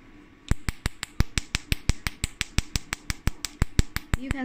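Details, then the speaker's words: Sharp, regular snapping clicks at about 87 per minute from a portable Nd:YAG laser in carbon peel mode on an arm, at frequency about 5–6 and power 300–400, during a demonstration; laser firing. "we enter now black dot treatment this is carbon balance treatment we enter the frequency almost five to six and power from the three hundred to start 400 is okay i think okay let me stop"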